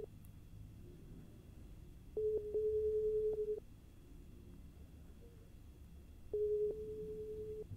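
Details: Steady mid-pitched pure-tone beeps of a second or more over faint room hum: a simulated ASMR role-play hearing test in which the listener is asked if the beeps are heard left, right or in both ears.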